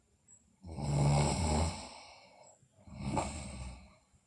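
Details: Two long, rough snoring breaths from a sleeping girl, the first louder and drawn out, the second shorter; snoring.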